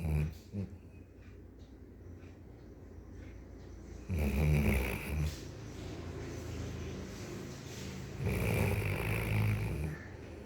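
Low, rough rattling breaths in long drawn-out bursts over quiet room noise: a sleeping dog snoring.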